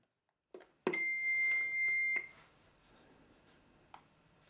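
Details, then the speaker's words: A click, then a steady high beep lasting about a second and a half as a Philips AED trainer is powered on by its button, followed by voice prompts; AED power-on tone. "immediately as it was turned on thead started providing audio prompts instructing The Rescuer what to do next"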